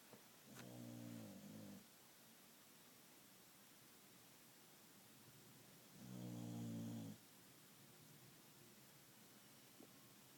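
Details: Two low, buzzing snores about five seconds apart, roughly 12 breaths a minute, over a steady background hiss; snoring.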